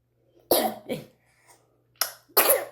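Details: A child gives four short, sharp coughs in two pairs while trying to speak, with a faint steady hum behind: cough.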